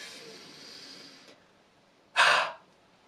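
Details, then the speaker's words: Respiratory physiotherapist demonstrating the huff of the active cycle of breathing technique: big breath in, then one short, sharp, open-mouthed, open-glottis forced expiration, like misting a mirror, used to move mucus. "so i've really opened my mouth up opened up the glottis and i'm forcing the air out imagine you're misting up your glasses or misting up a mirror"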